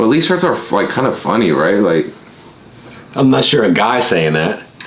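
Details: Adult male speaker; Normal speech.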